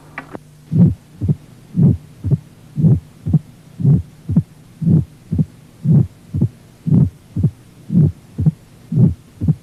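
Low rumbling murmur rising into a sharp first sound, about 60 a minute: presystolic murmur of mitral stenosis.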